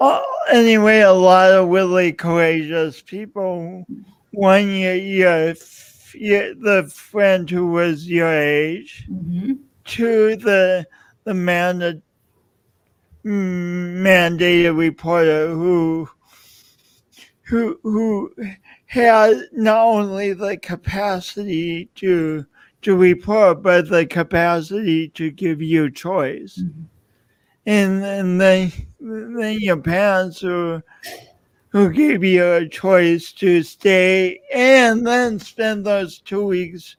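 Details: Adult man with a self-described speech impediment of unnamed type; stuttering-like disfluency; speech impediment.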